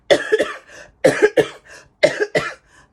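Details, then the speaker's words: Three deliberate demonstration double coughs by a preschool teacher, each sharp pair followed by a soft breathy tail, muffled as if into the hands (shown as the wrong way): voluntary cough. "So I'm going to teach you how to correctly cough. We do not cough in our hands."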